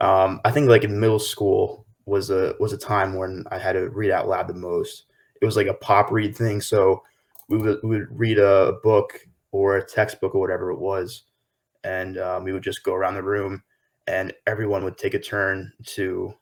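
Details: 23-year-old man with lifelong stuttering since early childhood, having had speech therapy and an intensive fluency program (real, not acted); stuttering.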